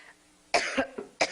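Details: Three short, harsh cough bursts during a campaign speech from a woman, who was diagnosed with pneumonia; part of a persistent, dry-sounding cough while talking, and she asks for water.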